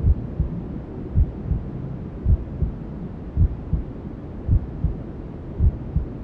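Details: Newborn sleep ASMR: steady muffled double thumps at about 54 a minute under a constant whooshing hiss; a mother's heartbeat and white noise as heard from inside the womb.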